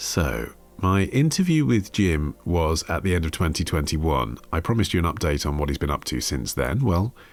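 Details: Adult male speaker; normal speech.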